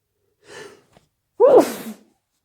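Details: Late-night sneeze attack that came on suddenly, with the person trying to muffle the sneezes: a quick indrawn breath, then one loud, explosive single sneeze.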